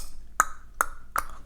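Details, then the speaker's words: Adult imitation of the clicking heard during breastfeeding with an incorrect, shallow latch: three sharp tongue clicks about 0.4 seconds apart, distinct from normal swallowing sounds. "if you hear a clicky sound usually it's a sign that the latch is incorrect"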